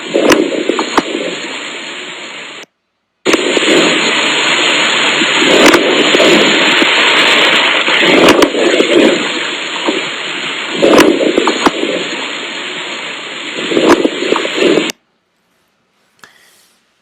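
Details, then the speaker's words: Demonstration of crepitant rales (crackles) from air moving fluid in the alveoli: coarse crunching and popping noises ride on noisy breath sounds, described as a crunching sound. "el estertor crepitante se escucha como un crujido de hecho en inglés el término para este extractor crepitante scracle que es algo así como crujido"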